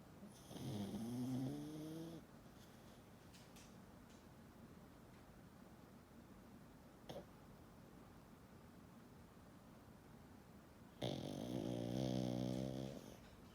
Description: Diesel the pug snoring